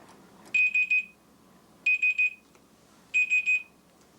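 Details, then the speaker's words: IV infusion pump alarm at a children's hospital before spinal fusion surgery for scoliosis: repeating groups of three high electronic beeps about every 1.3 seconds, alerting the nurse to check the IV. "that noise alerts the nurse to check your iv"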